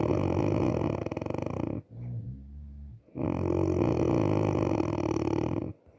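Loud, rough rattling snore on the in-breath, a short quiet out-breath, then another long rattling snore.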